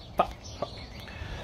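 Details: Vocal tic from a person with Tourette syndrome, recorded while telling their story about living with the condition.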